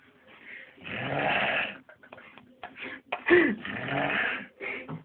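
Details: A sleeping pet snoring "like a train": loud, rattling, wheezy breath noises in uneven bursts on inhalation and exhalation: snoring.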